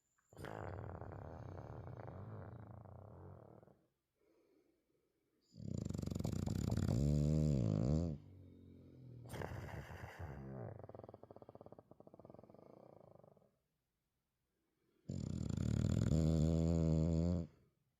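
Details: Bulldog snoring heavily: long, loud, rumbling snores with fluttering vibration on each breath.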